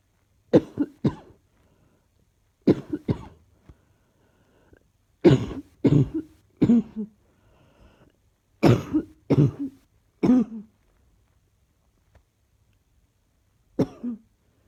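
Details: Ongoing cough: about a dozen harsh cough bursts in short clusters with quiet breaks between them, a persistent cough.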